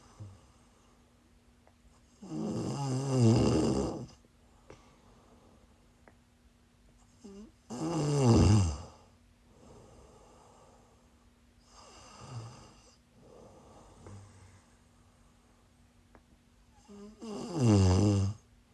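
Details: Loud, rattling snores on each breath in, about 12 breaths a minute, with quieter breathing in between, from a person snoring while sick during a live stream.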